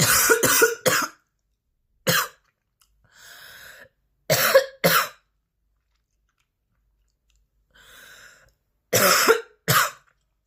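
Bursts of forceful coughs, about eight, in clusters with quiet breathing between; a persistent, intense coughing fit.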